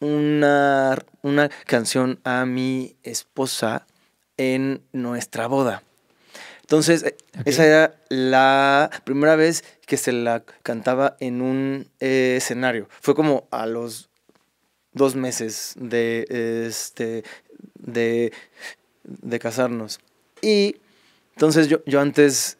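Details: Stuttering in a Mexican male singer who has stuttered since early childhood and cannot remember speaking without blocking; he reports no stuttering when singing and stuttering less when drunk.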